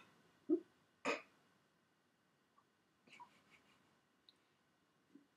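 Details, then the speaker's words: Adult's first hiccups since surgery: two sharp, sudden gulping catches of the voice close together, then a few fainter soft sounds; hiccups. "since I haven't had hiccups since before surgery and it's like they're so weird what"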